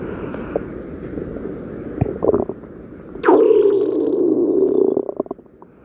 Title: stomach growling 10